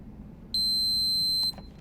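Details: A single steady, high-pitched electronic beep of about one second over quiet room noise: the power-on tone of an Infinity EnteraLite Orange enteral feeding pump after holding the on button for three seconds.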